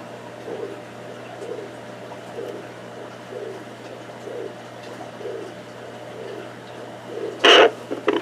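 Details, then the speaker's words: Soft, regular whooshing pulses at about 63 a minute from a fetal Doppler on a gravid female boa constrictor, compared with ultrasound: fetal (baby snake) heartbeat. "you can see the skeleton of the whole baby right there and there it is that's the sound of the heartbeat"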